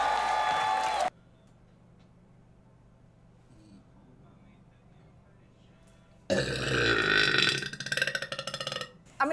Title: Girl Burp Compilation - Twitch Moments